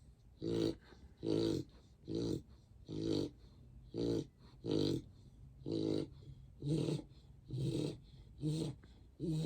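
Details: One-year-old female mixed-breed dog, 45 pounds, snoring in sleep: regular rattling snores with each breath, about 35 breaths a minute, with quiet pauses between them.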